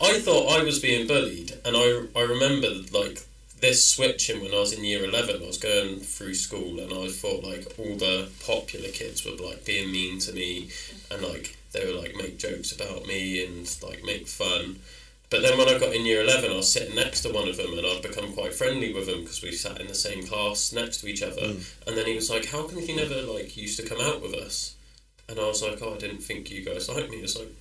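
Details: Adult male speaker; typical speech.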